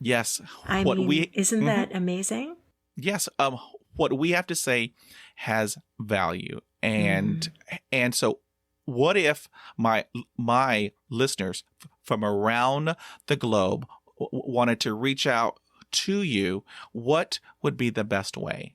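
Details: Stuttering in a 50-year-old man who practises meditation and breathing focus; audible part-word repetitions; stuttering.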